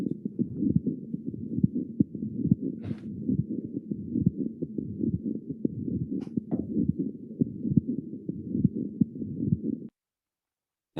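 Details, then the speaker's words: Pericardial friction rub in a hospitalized patient with mitral valve infective endocarditis, heard days after an earlier mitral regurgitation murmur: the murmur is gone, replaced by three scratchy, creaking-leather sounds in each cardiac cycle. "what we hear is we hear these scratchy sounds and there are three of them uh kind of like creaking leather um and this is this is a pericardial friction rub"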